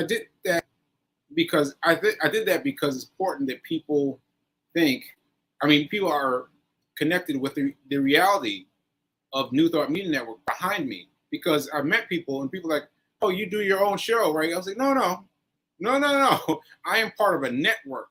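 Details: Aphasia in a man after a stroke on 7/14/22, recorded nearly a year later (7/4/23), with word-finding pauses and fillers.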